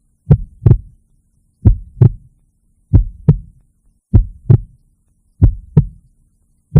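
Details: Heartbeat: steady, slow paired lub-dub heart sounds at about 47 beats per minute, with no other sounds between them.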